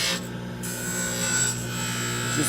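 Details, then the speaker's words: Steady motor whine with gritty rasping as an aluminum oxide wheel on a dental lab lathe, inside a suction box, bulk-trims and shapes the acrylic of a wraparound orthodontic retainer. "Uh, I got my lathe and I drilled a hole through my box here and that way I can trim inside the box cuz I have suction and I don't have to worry about uh acrylic dust going everywhere."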